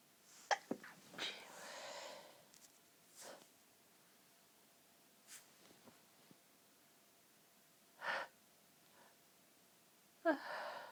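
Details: Incredibly tickly nose: breathy, catching build-ups followed by several short, pinched, held-back sneezes in a quiet room; stifled sneezing.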